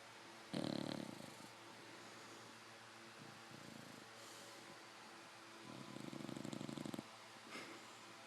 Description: Fannie, my 5 month old English Bulldog, is the best bed buddy, but she loves to snore and sleep with her eyes open!